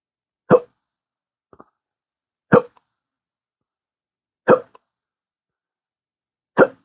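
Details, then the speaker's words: Persistent intractable hiccups, an episode ongoing since 7:54 p.m. the previous night and recorded at 5 p.m. the next day: four sharp, abrupt hiccups at a steady pace of about 30 a minute, described as aggressive. "And they've been really aggressive with these chugies. They're hard to get on camera. Finally got part of it."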